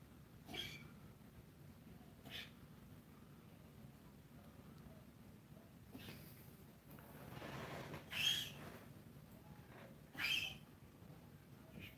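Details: A dog gives about five short, sharp sneezes or snorts, one preceded by a noisy inward sniff; the owner suspects its medicine isn't working well.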